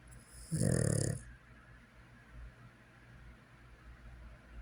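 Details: One short, buzzing snore over quiet room noise, followed by soft breathing; soft snoring.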